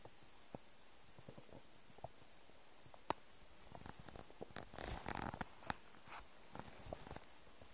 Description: English: New noises of my empty stomach. I hope you like it :3